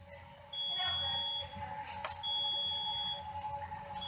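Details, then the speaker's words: Hemodialysis machine alarm in a renal unit teaching demo: repeating high electronic beeps over room noise, described as an air bubble detected alarm; nearby discussion covers a filter or vascular-access collapse alarm. "En este caso, la máquina nos detecta burbuja de aire detectada."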